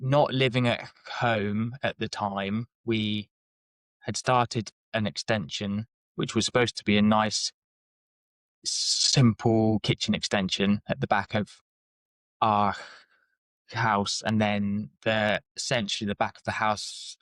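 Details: Stuttering (lifelong stammer) in an adult man.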